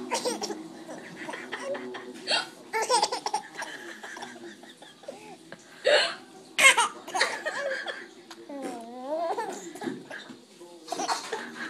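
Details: Baby girl giggling and squealing heartily at hiccups and farts; sudden short hiccup-like gulps mixed with the baby's laughter.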